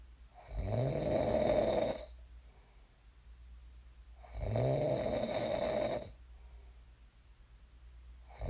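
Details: Sleep snoring recorded for ASMR: loud, rough, rattling snores on each inhalation, about 16 a minute, with quiet pauses between; ordinary snoring in a sleeper who later woke up.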